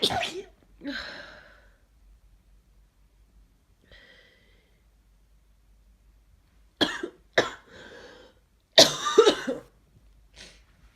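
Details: Cough during a congested head cold with forceful sneezing, nose blowing and a scratchy throat: several sharp coughs, some single and some in quick pairs, with quiet gaps.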